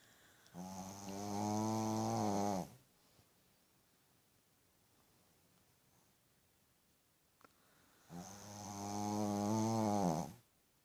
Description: Little puppy snores really loud and this is what I put up with every night